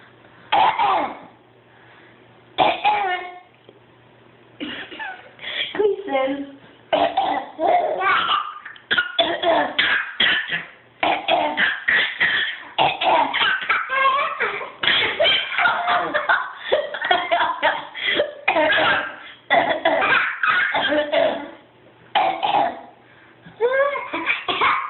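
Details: Two children trade repeated coughs and throat-clearing sounds back and forth, some with a playful, voiced quality.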